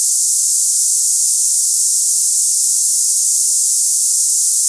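Steady, unbroken high-pitched hiss, a simulation of cicada-like tinnitus for comparison with one's own ear ringing.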